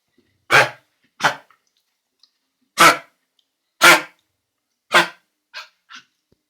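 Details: Dog with kennel cough: about seven harsh, honking coughs in irregular bursts.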